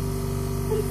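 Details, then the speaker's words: Steady low hum and buzz of a running nebulizer compressor during a breathing treatment for a sick young daughter at urgent care, mist held over her nose and mouth; nebulizer breathing treatment. "guys thank you so it's going to blow the air [Music] out and if you want you can just hold it over her face just her nose and [Music] mouth"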